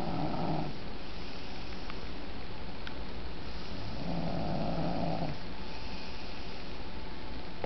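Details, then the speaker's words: Seven-year-old boy snoring loudly in sleep, low rumbling snores in long inhaled bursts over steady room noise, sleeping in odd contorted positions; loud snoring. "you can't see it but that sound that you are hearing is my nephew kyle snoring he is seven how crazy is that"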